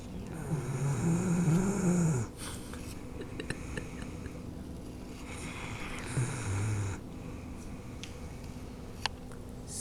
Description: Kira, a 6 year old Newfoundland dog, is so laid back she's taking a snooze while being groomed, snoring and all!